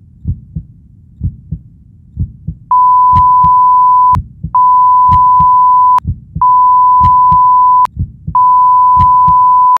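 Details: Simulated 10-minute countdown timer for reality shifting: a slow, steady heartbeat background of double thumps at about 60 per minute, with repeating electronic beep tones; alert beeping sounds when time is up.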